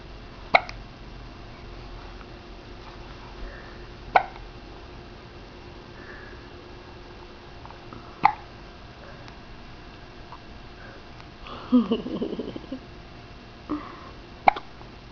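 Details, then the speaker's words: Four sharp, abrupt hiccups at roughly four-second intervals, with a brief vocal noise between them in a quiet room; hiccups. "you got the hiccups hmm oh no not the hiccups you can pick up again"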